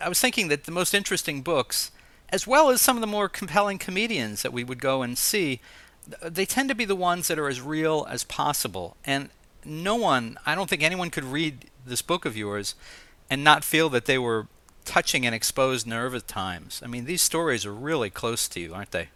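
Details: Adult male speaker; typical speech.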